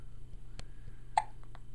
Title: Hiccups, Hiccups, Hiccups!